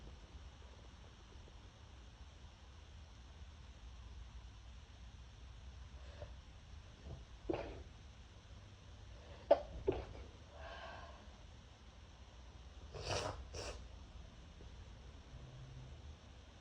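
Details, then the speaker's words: Several quiet, stifled sneezes in a still room, each a brief soft burst held back in the throat as the person tries to muffle them so neighbors won't hear. "I'm trying really hard to muffle them so my neighbors don't hear. This is really hard."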